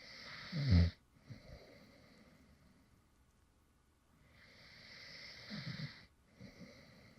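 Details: Real light snoring from an adult man who fell asleep while recording: two slow breaths, each with a soft, low, fluttering snore on the in-breath and a quiet breathy out-breath, over steady room hiss.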